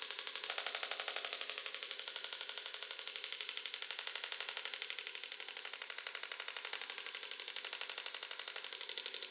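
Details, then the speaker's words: Extracorporeal shockwave therapy applied to the right lower back for pain, at a faster setting: rapid, very regular sharp clicking pulses, about four per second. "“Bạn nói rằng bạn bị đau ở lưng dưới bên phải, vì vậy tôi sẽ điều trị ở đó” “Lần này nhanh hơn một chút, nghe như thế này.”"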